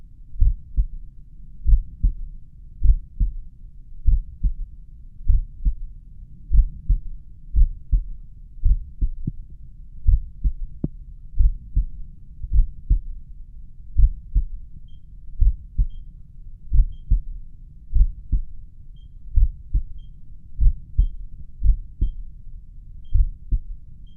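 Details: Self-recorded resting heartbeat, probably at the mitral area, with a pulse oximeter counting: slow, regular beats near 55 a minute, with the oximeter's low-heart-rate alarm beeping in the latter half. Bradycardia.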